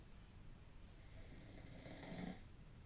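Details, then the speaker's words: Soft, low, rumbling snore with raspy breathing from a sleeping pet dog in a quiet room, described as very deeply asleep; snoring. "and by the way can you hear my dog snoring"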